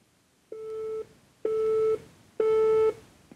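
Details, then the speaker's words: Training automated external defibrillator (AED) in a CPR demonstration, charging for a shock after detecting a shockable arrhythmia: three steady mid-pitched beeps, about one per second. "어 충전 중이라는 메시지가 나왔는데요 지금 세동이 부정맥을 포착을 했기 때문에 그것을 제거하기 위해서 강한 에너지가 충전이 야 됩니다"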